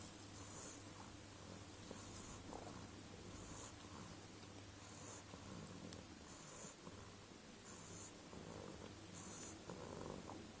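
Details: Sleeping beagle making soft, regular snuffling snores, about six to seven breaths, with faint hissing on each breath over low background hum; snoring.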